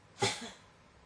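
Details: A single short, harsh cough burst, one of a run of repeated coughs from someone who cannot stop coughing.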